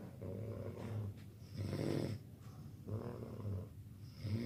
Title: দেখুন কিভাবে নাক ডাকছে | Snoring live video | Disguisting snore in every night | Funny video